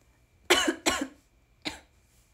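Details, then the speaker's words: Three short, sharp coughs from an adult woman during a livestream, two close together and one after a pause. She says she took medicine beforehand and is struggling to talk because of the cough. "ごめんごめんよ配信始まる前に薬飲んだのに申し訳ない咳が出るときはあの止めてますちゃんについて番組にメール送ったけど名前聞かせると最悪やらかしがち音を消したいんじゃなくて席してる顔見られたくないんですよ"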